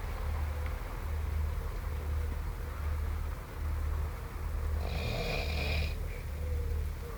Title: snoring tent clip